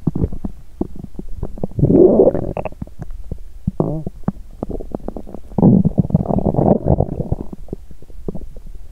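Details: Hungry person's abdomen on an empty stomach after exercise: frequent gurgling and bubbling rumbles with short clicks and two louder, longer growls, continuing for a while: bowel sounds (stomach growling).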